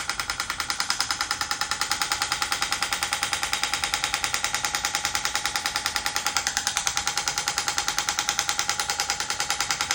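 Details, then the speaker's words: Steady, rapid, sharp tapping pulses, about 74 per minute, from an extracorporeal shockwave therapy handpiece applied over ultrasound gel to the Achilles tendon in a demonstration; shockwave therapy device pulses. "So, we use some ultrasound gel. All right. And then you'll hear just a little bit of that percussion therapy as it's sending its sound waves."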